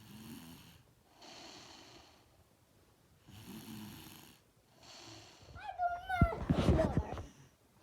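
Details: Young girl snoring softly while asleep at night, a breath-long rumble roughly every two seconds, then a brief burst of movement noise; she denies that she snores.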